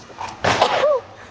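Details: A single short sneeze from a STAYC member: a faint breath in, then a sharp noisy burst ending in a brief voiced squeak.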